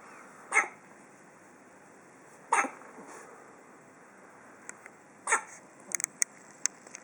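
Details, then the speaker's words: Male being filmed with hiccups: three sharp, brief hiccup bursts about two seconds apart, then small clicks, over quiet room noise; hiccups. "you ruined my hiccups cuz of that a real good hiccups huh oh that's a big one goodness gracious"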